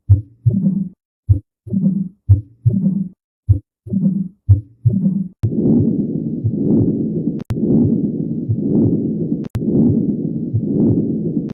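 Low dull thumps at first, then a continuous rumbling whoosh with sharp clicks about every two seconds: recorded heart sounds.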